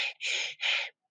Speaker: no, un sonido como la letra e en entrada y salida.